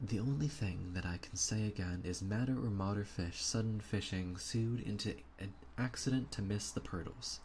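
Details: Acted example: a speaker reads aloud a sample sentence illustrating Wernicke's aphasia from damage to Wernicke's area, with fluent but meaningless jargon-filled speech and unawareness of the problem; Wernicke's aphasia (fluent jargon speech).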